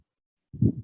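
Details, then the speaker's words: A small Doppler probe placed on a reptile picks up a single low whooshing pulse of blood flow, used for counting and recording the pulse: Doppler blood flow sound. "Este es el Doppler que les decía, para escuchar sonidos o flujo sanguíneo en reptiles."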